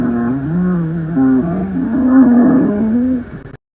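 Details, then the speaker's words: Rhonchi: continuous low-pitched, snoring, rumbling breath sounds from air passing through large airways partly obstructed by secretions, mucus or inflammation, often changing or clearing after coughing. "Los roncus o roncos son ruidos respiratorios adventicios continuos de tono grave y carácter de un ronquido. Estos son producidos por el paso de aire a través de las vías aéreas grandes, parcialmente obstruidas por secreciones, moco o inflamación."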